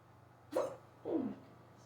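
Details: Hiccups in someone who rarely gets them, starting suddenly on waking and lasting almost 20 minutes, very fast: two abrupt short gulping catches of breath about half a second apart.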